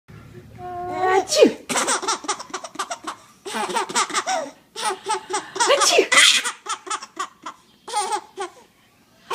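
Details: Adult mother's sharp, explosive ordinary sneezes, each followed by breathy, pulsing laughter from her 6-month-old infant: sneeze.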